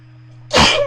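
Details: Sneeze induced with a bobby pin: single sharp, explosive sneeze after a brief quiet lead-in, faint steady hum behind.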